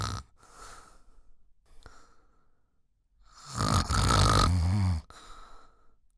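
Soft breaths, then a loud, rough, rattling snore on a breath lasting over a second, followed by quieter breathing: ordinary heavy snoring.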